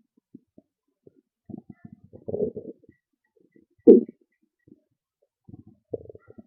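Bursts of gurgling and low rumbling from the belly in a quiet room; ordinary stomach growling from gas and fluid moving through the gut.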